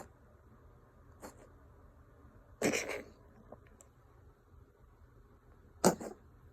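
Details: Female Ragdoll cat coughing and wheezing: two sharp, harsh coughs and a softer one, with faint airway noise between them; owner unsure whether it is a hairball or illness.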